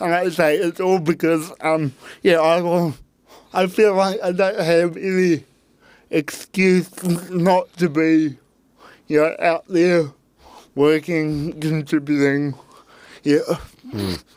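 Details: Adult man with cerebral palsy since birth, parents told he would never walk or talk, intensive therapy from birth to age six for walking and talking, used a walking frame at school; dysarthria (cerebral palsy).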